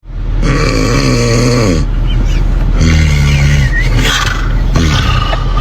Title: Bro that a roar 😭#sleep #snoring